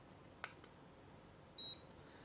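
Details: Young child sick with a cough and cold, sweating at 3 a.m.: a faint click, then a short, high electronic beep over quiet room noise. A digital thermometer finishing a reading of 36.3 °C.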